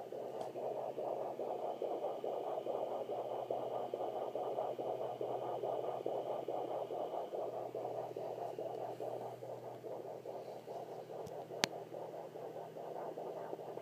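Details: Fetal heartbeat on a Sonoline B fetal Doppler at 27 weeks 3 days, rapid regular whooshing at about 143 beats a minute; active fetus, hard to catch, kicks near the end.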